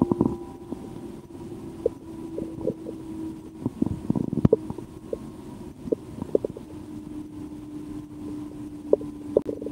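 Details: Loud digestive bowel sounds heard through a stethoscope after a restaurant lunch of porcini mushroom soup and a sandwich: gurgling, rumbling with scattered clicks and pops, normal active post-meal digestion.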